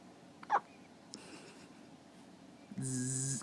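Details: One brief, sudden hiccup followed by a faint second catch, described as cute, with a steady electronic tone at the end; hiccups.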